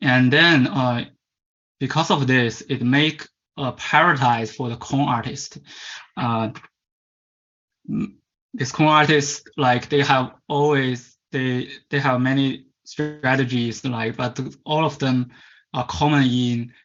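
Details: Man from China who stutters and was taken around age 10–11 to a commercial stuttering-fix course, presenting at a stuttering conference; stuttering.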